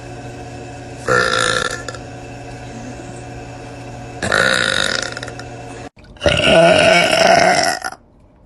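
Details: A woman deliberately burping: three loud, drawn-out belches over a steady background hum, the last the longest.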